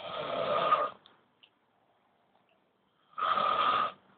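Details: Old men snoring every night, keeping the listener awake: two loud, harsh, rasping snores on inhaling, about three seconds apart with silence between; heavy snoring in sleep.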